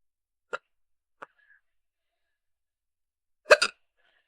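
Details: Hiccups from a young woman in a role-played scenario, just starting: three sharp, brief gasping catches in a quiet room, the last a quick double.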